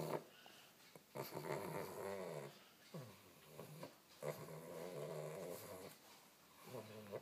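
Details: Awake pug, not sleeping, makes loud, rough, snorting breaths in repeated bursts in a quiet room: snoring-type noisy breathing, stertor.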